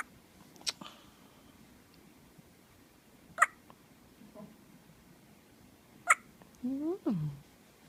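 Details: Hiccups in a 2-hour-old newborn baby: three brief, sharp hiccups at a steady pace of roughly 22 a minute, followed by a short high whimper.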